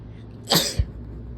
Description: Holy SHIT!! Do not induce when you’re sick, lesson learned. WOW these were strong, includes nose blows and coughing and me swearing because fuck-